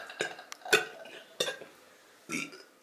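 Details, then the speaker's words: Burping: a few short, throaty belches in a quiet room. "oh wow wow gaat iedereen nou boeren"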